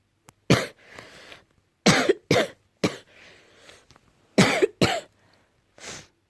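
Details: Morning cough, possibly allergy-related: seven harsh, loud cough bursts, several in quick pairs, separated by quieter breaths in a small room; repeated cough.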